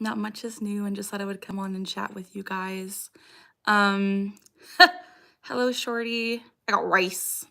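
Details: Young woman with Tourette syndrome; recurring vocal tic phrase picked up from an ex-boyfriend and persisting for years; Tourette syndrome vocal tic.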